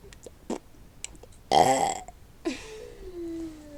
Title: Me Burping copyright new intro WTF (funny family original)😗